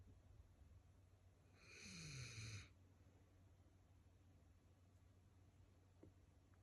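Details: One drawn-out, hissing and groaning breath sound against a quiet background from a dog resting at home: a single snore.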